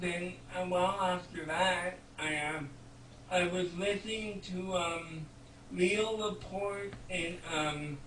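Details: 32-year-old man with cerebral palsy speaking in conversation; dysarthria due to cerebral palsy.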